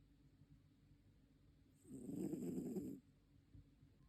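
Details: A cat snoring: a single rough, fluttering, low-pitched breath lasting about a second rising out of quiet room noise.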